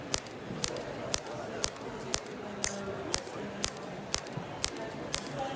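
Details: Radial shockwave therapy from a Storz SPINE-ACTOR forked transmitter over the vertebral joints of an Olympic athlete's tight thoracic spine, mobilising the joints with brief muscle twitches: sharp, evenly spaced clicking pulses, about two per second.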